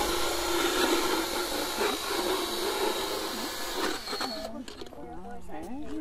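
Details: Loud continuous grinding and rasping as a vet power-floats a mildly sedated ("woozy") Arabian mare's uneven teeth, then quieter speech and music; routine equine dental float.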